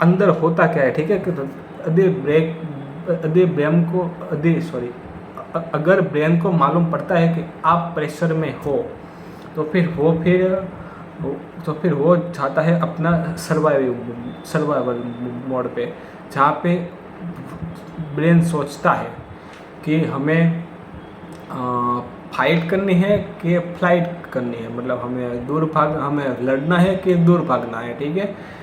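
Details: Stuttering, likely in the male speaker himself; his own stammering is implied but not explicitly stated.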